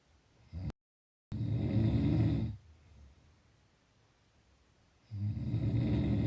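Low rattling breathing noise lasting about two seconds, a quiet pause, then it starts again; snoring on breathing in.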